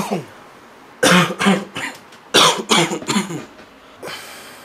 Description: (2001) Lots of coughing, in the dark, when you're trying to sleep.